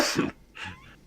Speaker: What the fuck was that sound? I sneeze.